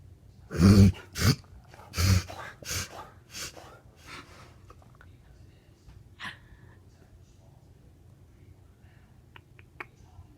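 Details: Dog that seems to need to sneeze but can't, reverse sneezing: a run of about six loud, snorting, honking pulls of air that fade away.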